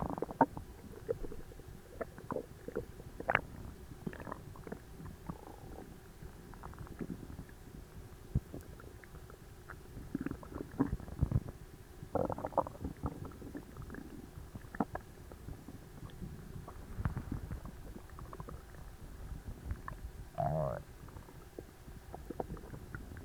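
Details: Bowel sounds (borborygmi) recorded right after an overly large Christmas dinner, gut feeling tight and achy: frequent loud gurgles and rumbling stomach noises of active digestion.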